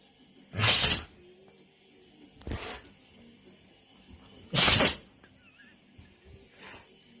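Three or four short, sharp bursts of sneezing from a dog, one of them faint, over light room noise.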